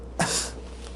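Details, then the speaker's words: Single short cough imitated by a doctor during a cranial nerve examination, demonstrating the choking cough of bulbar weakness with tongue and palate dysfunction, suggestive of motor neuron disease. "excuse me do because they're choking and they're often carrying a handkerchief or a Kleenex in their hand"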